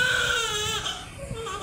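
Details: Healthy newborn twin (one male, one female, same weight, both healthy) in hospital: a strong, clear, high-pitched normal cry.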